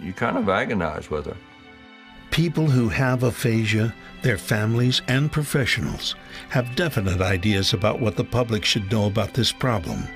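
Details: Adult male narrator; normal fluent speech.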